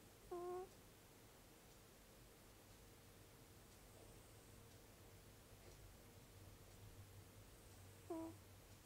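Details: Sleeping cat snoring with two brief, high, squeaky whistles about eight seconds apart: a nasal whistle.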